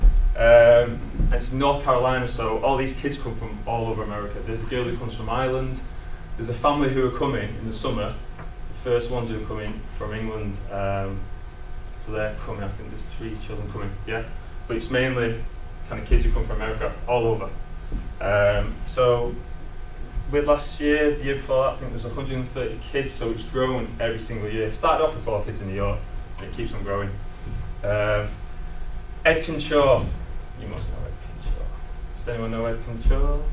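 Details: Adult male who describes himself as a person who stammers, stammering for as long as he can remember since childhood; stammering.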